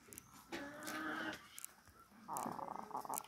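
A chicken's breathing carries two harsh, snoring, rattling noises, one on each breath, typical of the rales of coryza.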